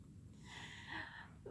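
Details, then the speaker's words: Service dog asleep close to the recorder, snoring with a low, fluttering rumble and a brief snort-like breath. "I'm going to move so I hopefully don't hear the snoring in my ear so much."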